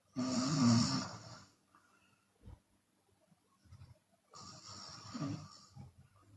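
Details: Chinese woman snoring with her mouth open, sometimes exhaling audibly: a loud, rough snore on the in-breath, a quiet pause, then a second snore, with a soft breath out between; open-mouth snoring.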